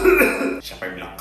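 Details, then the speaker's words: Adult acting a cough in an office comedy skit: a rough, throaty burst followed by a shorter second cough. "Heh karyawan kamu kira kamu keren batuk-batuk di kantor"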